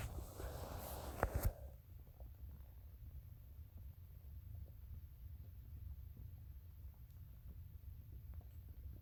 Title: P head exe stomach growling